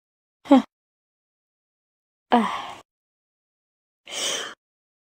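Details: Three short, sharp voiced bursts with silence between them, fitting sneezes.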